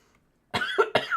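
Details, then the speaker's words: Person coughing while eating during a gaming stream, a cough they liken to a seal's bark. "Sorry. I sound like a seal when I cough."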